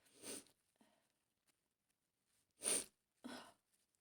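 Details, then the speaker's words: Simulated scenario of a young woman coming down with a cold after being out in rain, throat starting to hurt, first thought allergies: a sharp sneeze, a brief sniff, then two more explosive sneezes in a calm restaurant; sneezing. "what my God sorry I think I'm going to have a cold yeah I'm sorry I hope you're not going to catch it"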